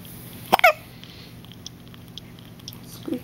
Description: My newborn had the hiccups. He sounded like a squeaky toy.